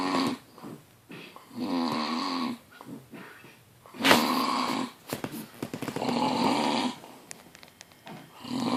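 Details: Loud, rough, rattling snores in irregular bursts, some harsher and snort-like, with quieter pauses between; heavy snoring.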